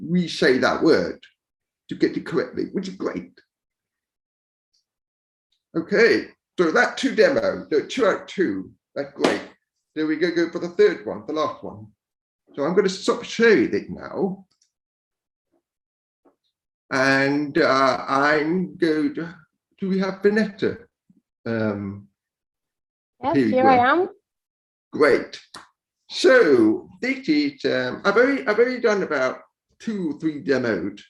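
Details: Speech of a man born deaf who learned to speak rather than sign and now uses a cochlear implant after years of hearing aids; he says his speech is not perfect. Deaf speech.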